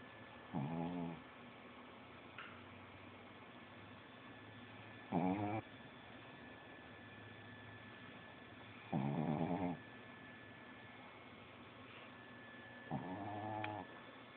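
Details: Four separate low rattling snores with long quiet gaps, roughly 14 a minute, against steady room hum; snoring during sleep.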